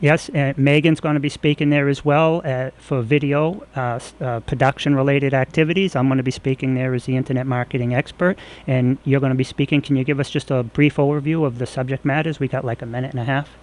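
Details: Adult male speaker; ordinary speech.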